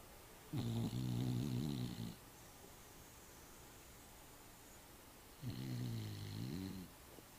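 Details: Snoring during sleep: two long, low, buzzing snores about five seconds apart, each over a second long, with quiet breathing between.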